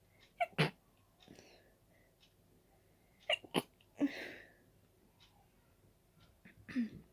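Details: Allergic sneezing from dust while cleaning: several short, sharp sneezes in quick clusters with quiet gaps between them.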